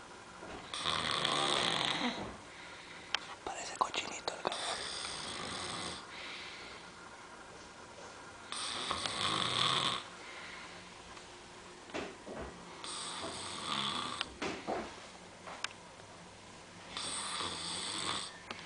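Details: Dog caught snoring: hissing, breathy snores recurring every few seconds over faint background noise.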